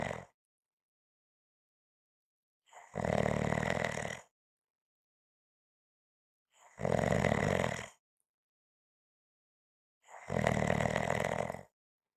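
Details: Loud adult snoring: harsh, rough snores each lasting about a second, repeating every three to four seconds with silence between.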